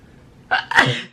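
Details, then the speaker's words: Woman piercing her own nose: a quick indrawn breath followed by one sharp, explosive sneeze burst in a quiet room; sneeze. "I really should probably stop sneezing."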